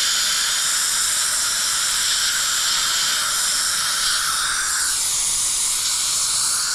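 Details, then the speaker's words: Steady high-pitched whine and hiss of a high-speed dental handpiece with water spray and a thin black diamond bur, pitch shifting while roughly reducing upper right molar (tooth #3) for a new crown after old PFM removal. "Okay, back to our skinny black diamond to do our initial rough roof."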